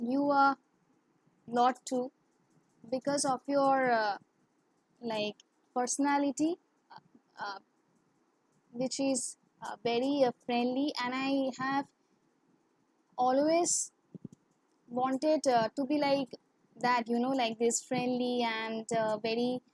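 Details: Adult woman who has stammered since childhood; her stammering is worse in English and with high-authority persons; stuttering.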